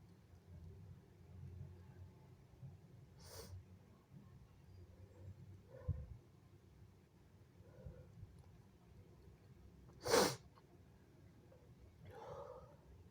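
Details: Two forceful, sharp sneezes with quiet breathing between them, then a wet nose blow; strong sneezes.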